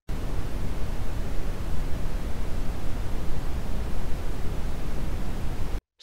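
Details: Brown noise played as a hearing aid tinnitus-masking relief sound.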